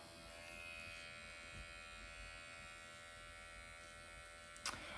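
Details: Motorised MD Needle Pen automated microneedling device running on the forehead at 1 mm needle depth, self-treatment with hyaluronic acid and numbing cream, mild erythema: steady high electric buzz with a brief click near the end.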